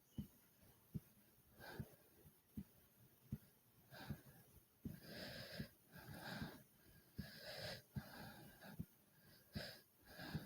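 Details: Steady heartbeat thumps, about 77 a minute, under loud, rapid, rushing breaths after doing 30 jumps in place: heavy breathing and heartbeat after exercise.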